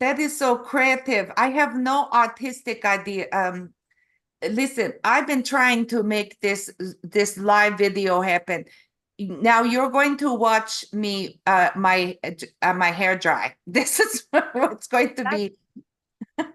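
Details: Adult woman with stroke in November 2023 causing aphasia and apraxia of speech; foreign accent syndrome began after a later hospital stay in February, self-described as Eastern European; foreign accent syndrome with aphasia and apraxia of speech.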